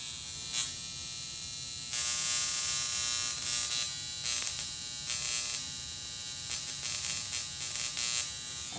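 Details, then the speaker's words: Portable high-frequency skin wand with argon-neon glass electrode, held directly on an acne spot: steady high-pitched electric buzz swelling louder in bursts as the electrode touches skin. "this one is uh for the the best for the acne uh which you use it directly on the spot turn it on and show you the turn with the light off"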